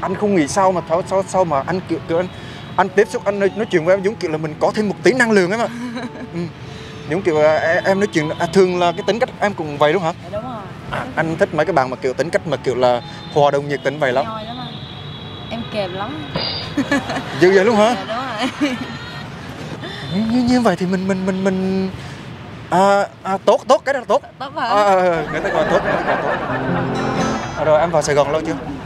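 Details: Acted stuttering by a young man in a prank video, speaking with repetitions: stuttering (acted)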